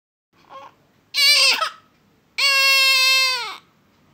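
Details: Baby crying in Uttarakhand, India: a brief whimper, then two loud, clear, high-pitched cries, the second lasting over a second.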